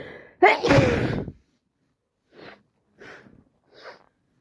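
One loud explosive sneeze, then three softer short nasal blows or sniffs; sneezing with a cold.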